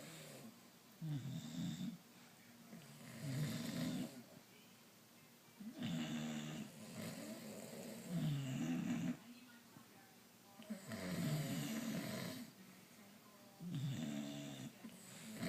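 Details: Snoring contest between two sleepers, one of them a father: loud, rough, rumbling snores at about six a minute, some fluttering and uneven in length, over faint room noise. Heavy snoring.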